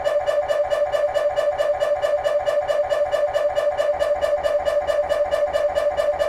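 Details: Temporal bone (Felsenbein) MRI on a GE 3T scanner, axial diffusion-weighted (DWI) sequence: loud, steady, rapid electronic chirping pulses about 136 a minute; normal MRI scanner noise.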